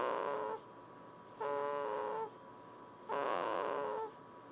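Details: Baby snoring: three regular, whistling, nasal snores about 1.5 seconds apart over a faint steady background hum.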